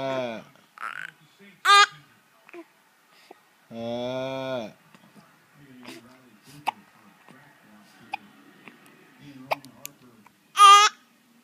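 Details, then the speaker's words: 9-week-old infant boy upset that hiccups interrupt his cooing "talk" with dad: sharp, brief hiccup sounds break into fussy vocal sounds; ordinary infant hiccups. "He can't talk without the hiccups. He mad because he can't talk because he got the hiccups."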